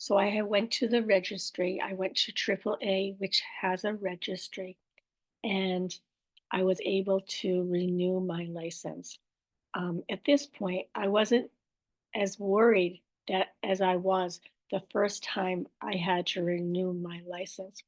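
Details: Aphasia with apraxia of speech and dysarthria after a stroke in an adult woman, with word-finding errors, repetitions and self-corrections.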